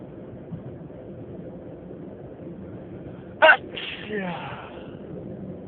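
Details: Single sharp, explosive sneeze with a brief trailing vocal sound during a long sneezing fit while driving, over steady road noise inside a moving car.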